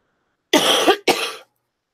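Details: Two quick, harsh coughs close together in a quiet room from an adult with a cold and a runny nose, on the first day in nine days of illness that she feels better.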